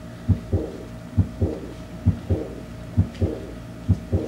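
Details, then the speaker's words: Simulated heart sounds played by a standardized patient via a ventriloscope, about 67 a minute: loud S1 synchronous with the pulse, then a soft decrescendo diastolic murmur of aortic insufficiency heard only over this area. "what i feel is the first sound the loud s1 is synchronous with a pulse and after that the decrescendo murmur of aortic insufficiency heard only over this area"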